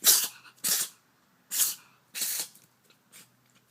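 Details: Cat sneezing: a quick run of about four sharp, hissy sneezes, then a fainter fifth; repeated sneezing.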